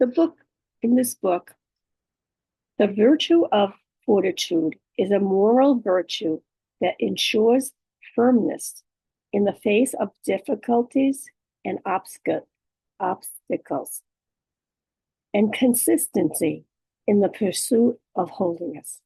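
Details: Adult woman, real case, aphasia with apraxia of speech and dysarthria after stroke; she reports her speech can sometimes be hard to understand.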